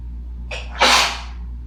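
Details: Sneezing attributed to dust from cleaning house: a short intake of breath, then one loud, harsh, explosive sneeze over a faint steady room hum; sneezing.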